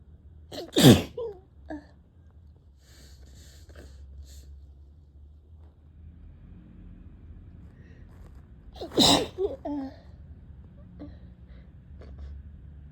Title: sneezing and sneezing